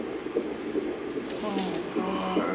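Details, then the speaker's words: Rapid, regular whooshing fetal heartbeat at 154 beats a minute, heard during an ultrasound in a 41-year-old mother's pregnancy; normal fetal heartbeat. "God okay perfect got 154 beats a minute"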